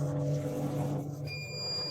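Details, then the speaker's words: CO2 laser fired onto paper folded in half three times during an energy test at 12 W: steady device hum, then a high electronic tone as the laser fires; emission stops automatically. "emit laser light when the laser is fired it stops automatically here are a lot of black laser dots on the paper"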